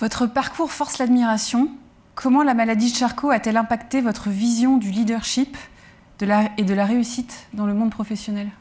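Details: Adult woman; normal speech.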